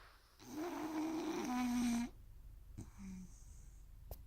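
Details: Rooster snoring while asleep: one long rattling, tonal snore on a breath, then quiet breathing with a brief faint second tone.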